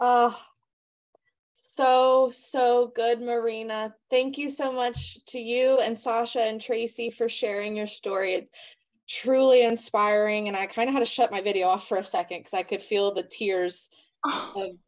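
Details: Adult woman speaking; Normal fluent speech.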